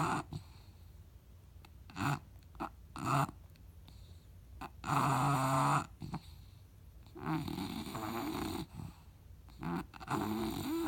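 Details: Snoring.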